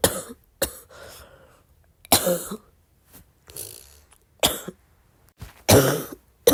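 Four loud cough bursts with rattly, loose breathy tails between them, a wet, productive-sounding cough.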